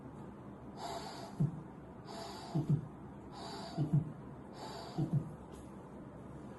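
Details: Pansystolic murmur of mitral regurgitation (imitated).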